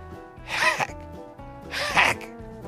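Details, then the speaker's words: Person imitating a cat's asthma cough: two harsh, dry hacking bursts over background music, like gagging with nothing coming up, feline asthma cough. "it's a very specific look and sound they'll get down like they're going to throw up their butt will be up in the air and they will just hack hack"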